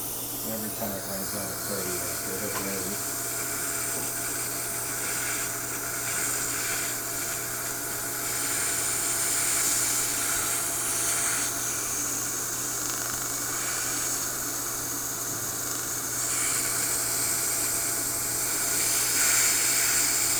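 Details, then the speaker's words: Steady high hiss with faint rapid ticking and low hum: Erbium YAG dental hard-tissue laser run in 30-second rounds on a lateral incisor to remove an e.max veneer wrapping lingually and interproximally; dental laser in use. "will try to get the laser energy in approximately as much as we can can I have it set for 30 seconds let's do a second one go ahead"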